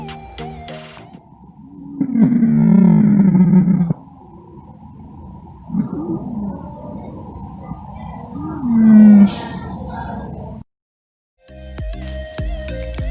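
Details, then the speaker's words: Nursing tutorial example of auscultation: musical whistling tones recur with breathing, a continuous wheeze from airflow through narrowed airways, as in asthma or chronic bronchitis. "suara terus-menerus yang berhubungan dengan aliran udara yang melalui jalan napas yang menyempit atau seperti pada asma dan bronkitis kronik"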